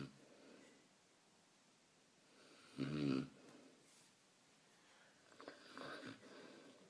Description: Newfoundland snoring